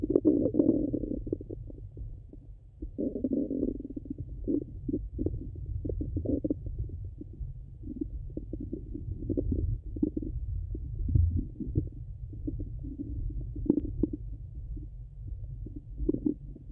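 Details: Stomach rumbling heard through a stethoscope over the abdomen: low, irregular gurgles and rumbles with bubbling bursts, normal bowel sounds.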